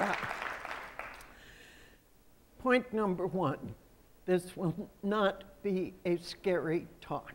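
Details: Adult woman who states she has spasmodic dysphonia, a voice condition she says comes and goes. Real speech showing spasmodic dysphonia.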